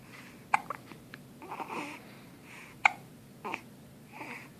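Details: Two sharp, abrupt hiccup bursts about two seconds apart with soft vocal sounds between; hiccups.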